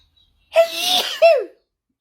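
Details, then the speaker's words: A single sharp voiced sneeze with a brief trailing vocal sound, during the third sneezing fit in two days; the person thinks feeling cold may be the trigger. "This is the third time in 2 days. I don't even know what I'm sneezing. Oh, good Lord."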